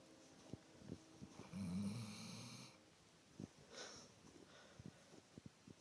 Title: SNORING DOG!